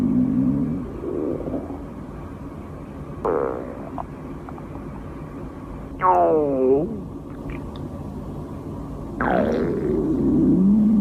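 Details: Hunger-related stomach growling (borborygmi) from a girl: several gurgling, squeaky rumbles with rising and falling pitch over quiet room noise; a normal gut sound.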